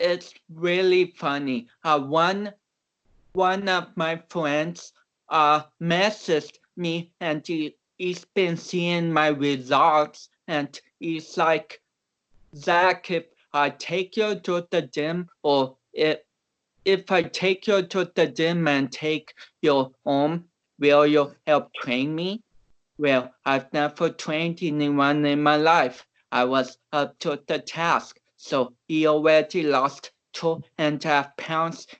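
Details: About 29-year-old male athlete with cerebral palsy, reportedly not expected to walk or talk; real conversational speech, transcribed with many garbled words, showing dysarthria.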